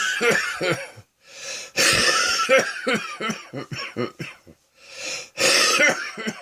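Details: Afternoon bout of productive coughing with wheezing, the person joking they need the chest version of colonic irrigation: productive cough with wheezing.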